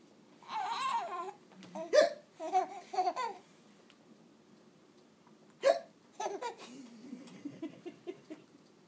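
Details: Baby laughing at his own hiccups: giggles and laughter broken by short abrupt catches of breath, with deep chest movement; hiccups mixed with laughter.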